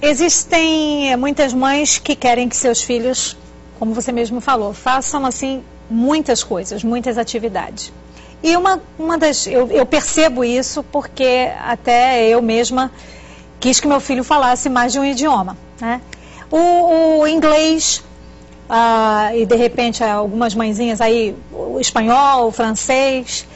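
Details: Adult woman speaking Portuguese; typical speech.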